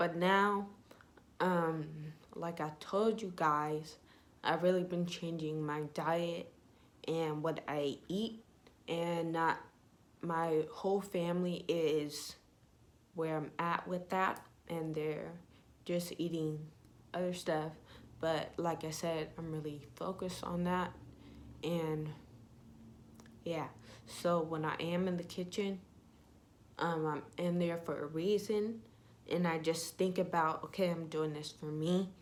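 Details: Young woman with ataxia (she says type 46), symptoms beginning in her high school junior year, with shaking, twitching and poor balance, who says her voice trembles whenever she talks; voice tremor.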